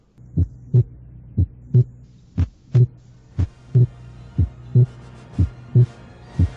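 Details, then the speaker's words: Simulated regular heart sounds at 60 a minute with slow respiration: the second sound is single or barely split on expiration and splits on inspiration. Physiological splitting of the second heart sound. "escuchemos el desdoblamiento inspiratorio del segundo ruido tal como ocurriría con la respiración"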